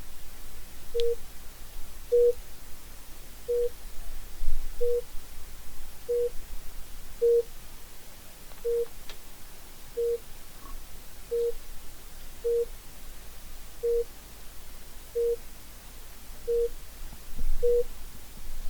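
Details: Simulated patient monitor from the ReSimulate Android training app giving steady short beeps about 48 a minute, one per heartbeat, volume set to 10%, over faint room noise.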